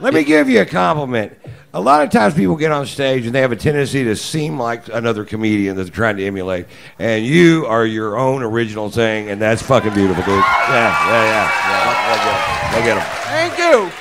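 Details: Adult man speaking on stage; ordinary speech.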